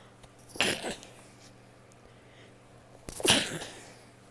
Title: stifled and muffled sneezes (f)